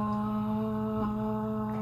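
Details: Normal sustained 'ah' phonation during a glossopharyngeal and vagus (cranial nerves IX and X) exam, with the examiner checking the uvula and soft palate for symmetry or deviation.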